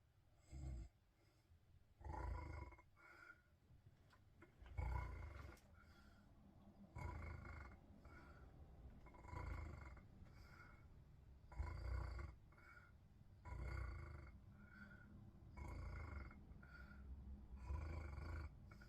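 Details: Snoring in a bed: deep, growling snores in a quiet room, about every two seconds, somewhat uneven in rhythm.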